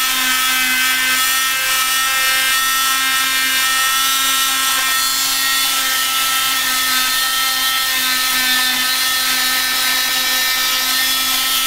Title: cast removal bilateral fibular fractures